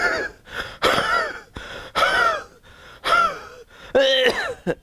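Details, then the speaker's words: An adult imitates a wheezy cough: about four bursts with tight, whistling, musical tones, demonstrating a wheeze relieved by expectoration; imitated wheezy cough. "In iriodiction, you have a very wheezy type of a cough."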